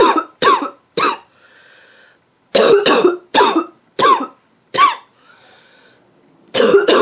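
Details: Adult woman with a nasty cough gives repeated harsh, barking coughs in rapid runs with noisy indrawn breaths between; barking cough.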